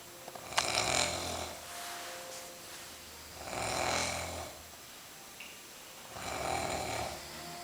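Three harsh, rattling snores on the in-breath, spaced about every 2.5 seconds, about 24 breaths a minute; snoring.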